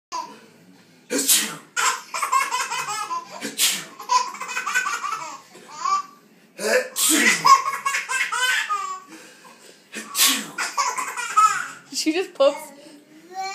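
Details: Several sharp sneezes from an adult father, each followed by loud giggling from his baby daughter; repeated sneezing.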